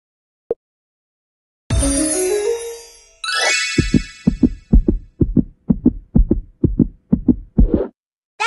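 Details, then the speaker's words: Simulated cartoon heartbeat in a children's doctor-visit game: regular low paired thumps after a musical chime, heard through a stethoscope at a child's checkup. "That's my heart. The heart is a muscle that pumps blood all around the body."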